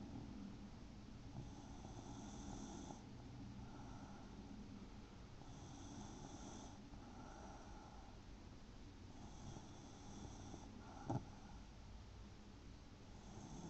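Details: A son snoring in his sleep: soft, low, rough snores roughly every four seconds over steady room noise, about 15 breaths a minute.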